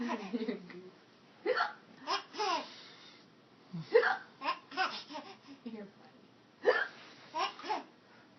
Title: Laughing at Mommy's "hiccups"